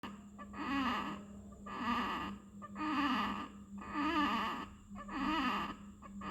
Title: 👶🏼GRUNTING : 3 - Abnormal EXPIRATORY Sound in Neonate with Respiratory Problem - PAEDIATRIC 👈🏽